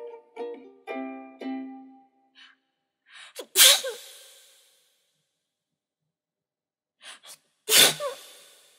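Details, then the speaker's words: Brief sung notes over background music, then two forceful sneezes from a singer mid-song, each with a sharp inhaled lead-in and an explosive burst; repeated sneezing. "뭐야 재채기 왜 이렇게 많이 나와"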